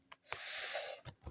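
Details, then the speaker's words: Cat, thought by the owner to have a cold or possibly an allergy, sneezing repeatedly: short, hissy sneeze with brief snorts before and after in a quiet room; sneezing. "Par contre, Choupi, lui, il a un rhume, je crois. Il n'arrête pas d'éternuer."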